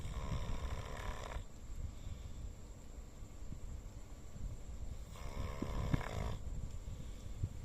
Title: Dog Snoring loudly 😪💤😴